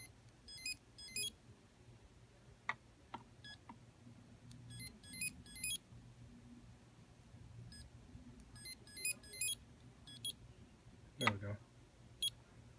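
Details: Dental curing light test, comparing several cheap Chinese curing lights with Valo and Demi Plus lights on a radiometer sensor for composite fillings: repeated short electronic beeps in clusters marking timed light cycles, with a few handling clicks.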